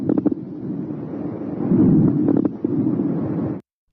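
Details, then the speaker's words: Coarse crackles: loud, low-pitched, bubbling and popping discontinuous lung sounds with irregular crackling bursts, starting early, shown as an adventitious breath sound example in a thorax and lung auscultation teaching program. "coar crackles are loud low pitch bubbling sounds that start in early [Music]"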